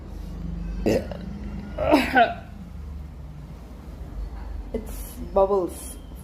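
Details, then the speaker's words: A few short voiced belches after drinking a cold fizzy soft drink on an empty stomach, with a feeling of bubbles coming up; low room hum; burping. "full of bubbles. I can feel it like from here it is coming up."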